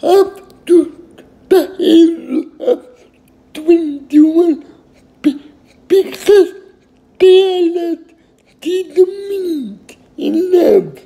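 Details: Adult male with cerebral palsy, who took his first independent step at age 18, speaking; finding: dysarthria due to cerebral palsy.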